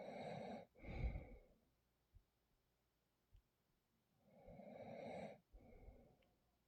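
Two slow, noisy breath cycles with rough fluttering snore sounds on breathing, over background noise; snoring during sleep.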